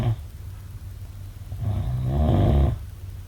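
Low, rough, rattling breath sounds building on a breath, typical of snoring.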